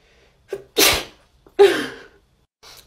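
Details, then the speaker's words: Two sharp sneezes in quick succession, each with a quick catch of breath before, then a faint sniff; a girl's reflex sneezing induced by a COVID-19 nasal swab test. "i just sneezed twice hold on"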